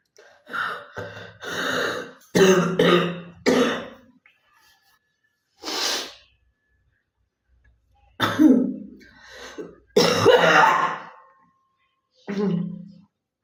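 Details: Girl coughing: several short harsh coughs and throat clearing in separate bursts with pauses; cough.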